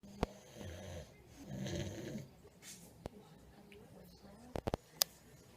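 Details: Snoring by a man in a dentist's chair who doesn't use his breathing machine: two rough, rumbling snores on breathing in, then quiet and a few sharp clicks in a small room.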